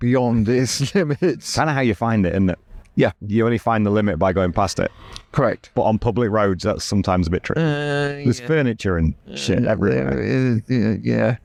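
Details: Adult male speaker; normal speech.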